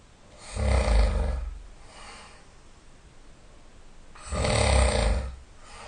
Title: Loud Snoring